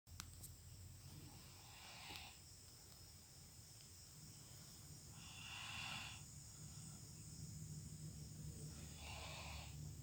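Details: Loud, slow, breathy, rasping snoring during sleep, about three breaths in ten seconds, over a steady insect-like background hiss.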